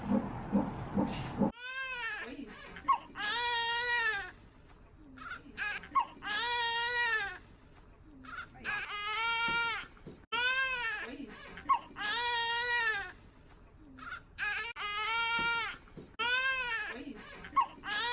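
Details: Baby girl born at 37 weeks after induction for high maternal blood pressure: repeated strong, high-pitched crying bursts with breaths between, a vigorous newborn cry just after birth.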